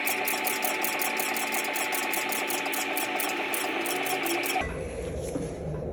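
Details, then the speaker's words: Rapid, regular mechanical ticking with a steady whine, about four pulses a second, then stops. A Morpheus8 radiofrequency microneedling handpiece is firing at 4 mm depth near the lip line under light, firm pressure. "if you see the way that I'm pushing on the probe you'll notice that I'm not applying a lot of pressure just light firm pressure is all you need the needles will do the rest"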